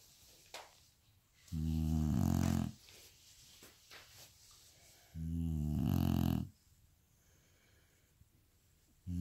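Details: A sleeping bulldog with its eyes wide open gives two long, loud, low rattling snores about four seconds apart, with quiet breathing between; snoring.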